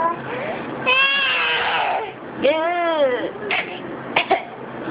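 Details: A woman fakes a cough: drawn-out voiced sounds followed by a few short, sharp cough-like bursts; imitated cough.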